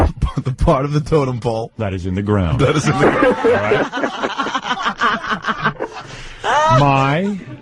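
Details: Adult man, born 1965, who has stuttered since second grade, with word repetitions; stuttering.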